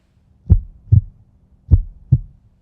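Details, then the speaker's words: Simulated heartbeat, two clear lub-dub beats at about 50 per minute, illustrating slow heart rate (bradycardia) after taking purple drank, a codeine-promethazine cough syrup mix. "some of those lows include slow heart rate and here's your heart beating like usual and this is how it would sound like after you get - purple drank"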